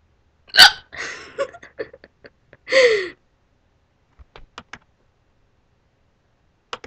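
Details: Involuntary hiccuping: abrupt, voiced hiccup sounds, one loud and sharp, then a drawn-out squeak, with faint clicks after.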